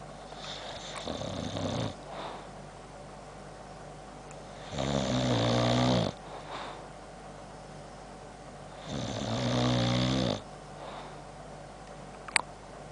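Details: Boxer dog asleep, close up: rhythmic rattling snores, three long breaths about four seconds apart, with a brief click near the end from clicking of his chops.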